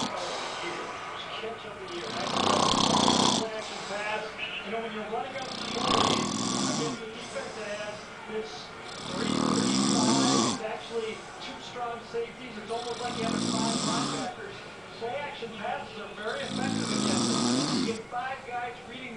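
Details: Repeated harsh, rattling snores every few seconds over noisy background sound; a man snoring in the middle of the day, who later denied falling asleep.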